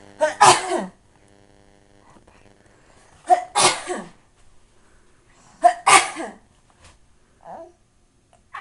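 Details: Three loud, sharp sneezes in quick succession, each with a brief inhaled lead-in, then a faint vocal sound in a quiet room; the sneezes and coughs make a girl laugh.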